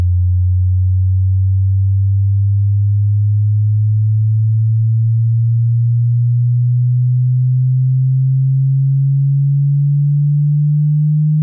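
A steady, loud, low pure tone slowly rising in pitch in small steps, a simulated hearing-test frequency sweep.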